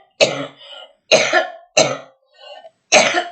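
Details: Woman reciting poems coughs: four harsh, loud cough bursts in quick succession, some with a softer trailing sound between them, then apologizes; an ordinary cough.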